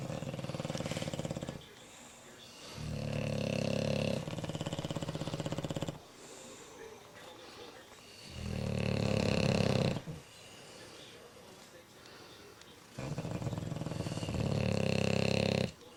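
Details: Bulldogs sleeping: loud, rumbling snores with snorting inhalations and noisy exhalations, about four breaths in sixteen seconds; heavy snoring from flat-faced dogs.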